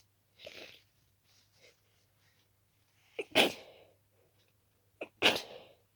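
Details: Intense, very itchy sneezing fit from dust allergy: rapid wet, stuffy sneezes with barely time to breathe in between, some stifled, with a flaring sensation up the nose.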